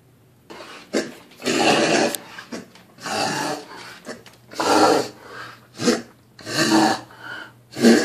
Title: Kennel cough